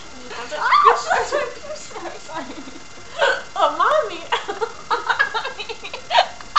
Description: me getting the hiccups :]